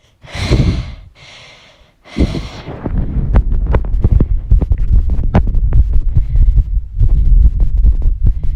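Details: Fast female heartbeat with heavy breathing: heavy breaths open, then a rapid run of low thumping heartbeats at roughly 140 a minute.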